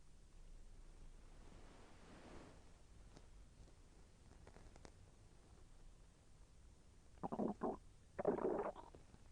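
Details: Stomach growling during digestion as the intestine moved, slightly painful: mostly quiet hiss, then two short rolling gurgles near the end; bowel sounds.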